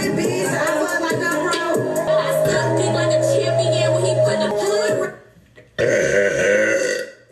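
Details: Two long, deep, voiced belches, the first drawn out for several seconds, over background music; deliberate burping by a girl during a live stream.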